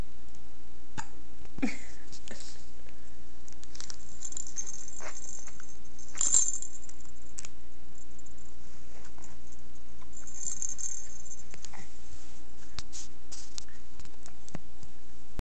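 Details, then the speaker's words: Brief, sharp catches recurring at irregular intervals over a steady low background hum, while someone remarks that the person has the hiccups: hiccups. "You have the hiccups. Hey. You have the hiccups."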